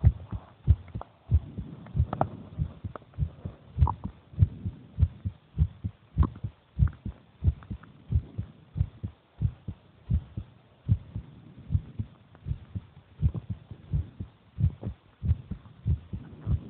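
Steady low thumping heartbeat, around 95 beats a minute, with a faint background hum.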